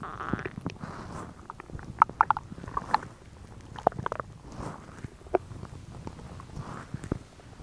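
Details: Woman's stomach growling recorded for ASMR: irregular soft gurgles and short bubbly pops over quiet rustling; ordinary borborygmi of digestion.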